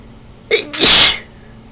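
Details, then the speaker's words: Adult suspecting ragweed allergy, after bringing a ragweed stalk indoors, with a runny nose and itching: one short inward catch followed by a single forceful, hissing sneeze. "Well, that's not doing very much on its own. Except making me a bit runny."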